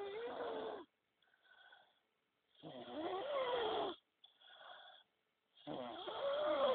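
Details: Adult man snoring while asleep after a long night of drinking alcohol.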